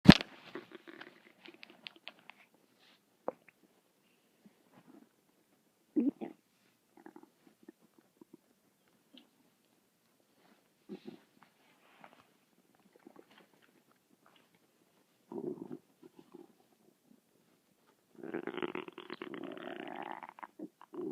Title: my stomach is making noises again for 6 mins